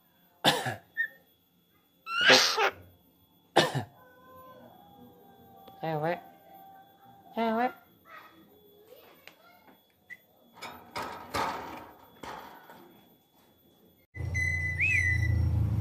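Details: Pet myna (jalak kebo), about 3 years old, not trained to cough, imitating a human cough likely from hearing people cough: several sharp cough-like bursts mixed with whistles and chatter; noise at the end.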